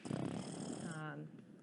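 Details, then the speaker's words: Infant with coarse, low-pitched snoring, rattling respiration: stertor from hypopharyngeal obstruction (excess secretions or poor muscle tone), improving with jaw thrust, unlike stridor. "the sounds that may be produced are much coarser sounds that are called sturder for instance which sounds more like a snoring or a rattling type of respiration"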